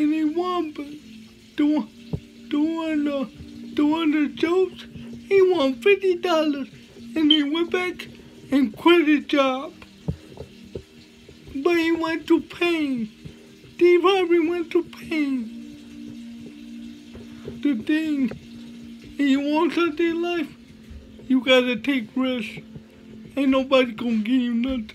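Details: Dysarthria with slurred speech in a male motivational speaker with cerebral palsy, speaking in a real talk.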